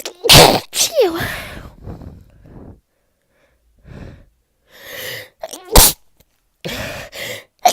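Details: Several loud sneezes in a row, each with a sharp in-breath, during a cold/flu with congestion and stuffiness, high temperature, sore throat, losing voice, coughing, dizziness and loss of taste.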